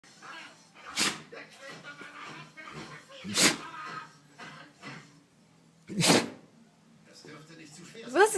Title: Sneezing Dog